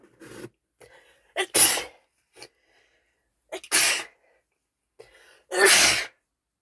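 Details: Girlfriend with a cold sneezing: three sneezes, each with a quick in-breath before a sharp burst of air out.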